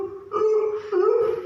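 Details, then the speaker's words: Adult voice imitates the harsh, gurgling rattle of noisy breathing, a danger sign of a seriously ill baby, alongside nasal flaring and chest indrawing. "आणि दुसरी गोष्ट इथे खड्डा पडतो किंवा असा घरघर आवाज येतो"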